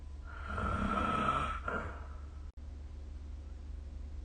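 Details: Snoring recorded with the SnoreLab phone app: one brief, noisy, slightly whistling snore on a breath, then quiet room hum.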